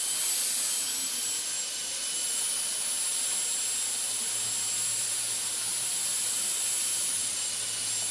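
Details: Dental drill recording switched on and off, made as ASMR sleep sounds: a steady shrill high-pitched whine of the running drill, holding one pitch with slight wavering.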